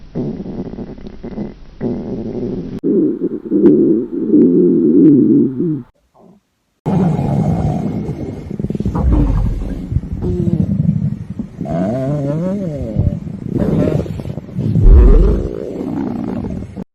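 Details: Long, loud, low gurgling and rumbling with squeaky rising and falling tones; hunger stomach growling (borborygmi), a normal finding, in a staged scenario of a high school girl who skipped breakfast.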